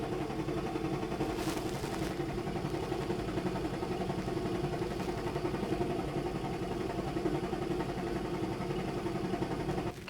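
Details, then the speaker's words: High-frequency chest wall oscillation vest for cystic fibrosis airway clearance, demonstrated on a girl (cycle one): 11 Hz, pressure 6, six minutes; steady, fast, buzzing motor hum with rapid pulsing. "so sam's starting out at a hertz of 11. pressure is six for six minutes and and during this time she would be taking her albuterol that would be starting right about now if that's ordered"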